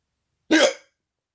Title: hiccups before sleeping